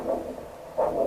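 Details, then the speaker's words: Rhythmic whooshing pulses from a Doppler probe over an ankle artery, before cuff inflation, during screening for lower-limb peripheral arterial disease (ankle pressure measurement); normal pulsatile arterial Doppler signal. "comme vous l'entendez on a de façon très rythmique le signal doppler qui indique le passage du sang dans votre art r vous l'entendez"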